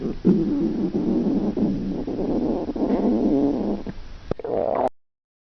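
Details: Hungry stomach growling in a girl on a restrictive diet: a long, loud, gurgling rumble from the belly, rising and falling for several seconds. Normal hunger bowel sounds.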